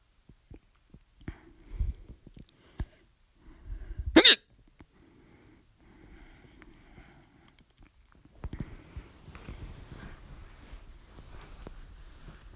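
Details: Hiccups that began at 11:24 PM and persisted despite drinking water and holding breath. A sharp, loud hiccup stands out among softer breathy sounds and room noise.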